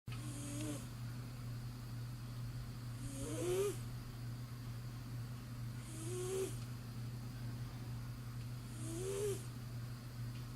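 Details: Regular soft snoring breaths about 22 a minute, each with a brief rising squeak and airy hiss, over a steady background hum, from a sleeping cat; snoring.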